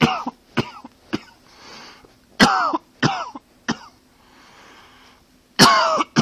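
An adult gives about seven sharp, throaty coughs in uneven bursts, with audible breaths drawn in during the pauses; repeated coughing.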